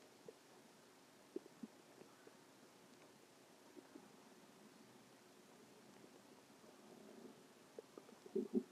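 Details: Stomach growling: quiet gurgles and pops rising into a short bubbling rumble at the end, normal borborygmi.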